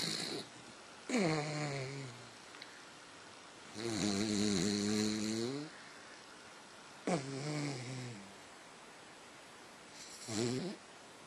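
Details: Loud, irregular snores with a rough buzzing tone and quiet gaps between them, from someone sound asleep: snoring.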